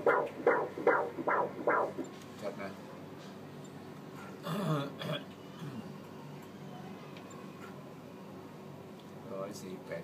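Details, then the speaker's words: Fetal heartbeat on Doppler during 19-week pregnancy ultrasound of a baby girl: rapid, regular whooshing beats about 150 a minute, briefly lost as the probe moves; normal fetal heartbeat. "แหลมออกมาเหมือนพ่อก็เลยใจเต้นดีนะเสียงหัวใจนะเลื่อนเลื่อนมาอย่างนี้"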